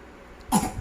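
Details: A child gives a single short, abrupt cough after a brief quiet pause while reciting Surah Al-Ghashiyah from memory; cough.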